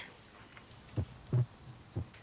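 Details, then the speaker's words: Newborn calf at a zoo, vet auscultating heart: low heart thumps with a soft swish between beats, heard as 'lub-shtub' instead of lub-dub; a pronounced murmur the vet calls quite normal in newborn animals. "He does have a little bit of a heart murmur. Mm-hmm. That's quite normal in newborn animals."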